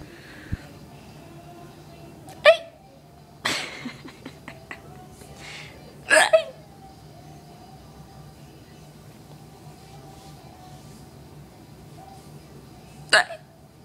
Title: My AMAZING hiccups!